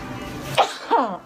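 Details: Single sharp sneeze over low background noise, followed by a brief voiced sound, from someone who says they also have rhinitis; sneezing.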